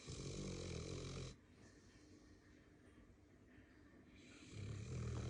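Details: Sleeping dog (Kelpie-Boxer or Golden Lab), tired from playing: low rattling snores at start and end separated by a quieter pause; snoring.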